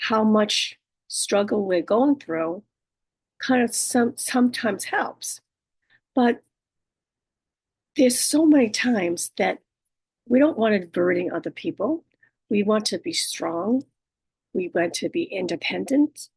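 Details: Adult female with aphasia, apraxia of speech and dysarthria after a stroke, with right-sided hemiparesis. Aphasia, apraxia of speech and dysarthria.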